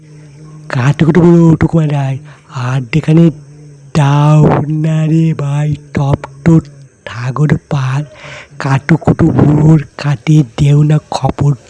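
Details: Self-described person who stutters, reciting a Bengali poem. Stuttering.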